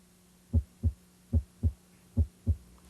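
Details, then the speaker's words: Normal first heart sound (S1), best heard at the apex, from mitral and tricuspid closure at the start of ventricular systole, coinciding with the carotid pulse; steady lub-dub at about 73 a minute on stethoscope auscultation. "it corresponds to mital and tricuspid valve closure at the start of ventricular syy it should coincide with the cored pulse"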